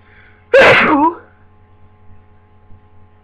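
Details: Person with a new cold: a single loud, explosive voiced sneeze with quick fade, then quiet room hum.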